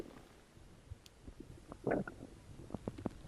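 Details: Bowel sounds recorded after drinking cola: low gurgling and bubbling stomach rumbles with a louder burst midway.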